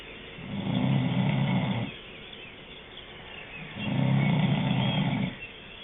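Two long, low, rattling breaths in about six seconds; loud snoring.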